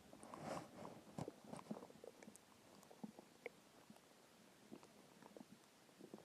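Quiet gurgles, squelches and faint rumbles over a soft background; ordinary stomach growling from hunger.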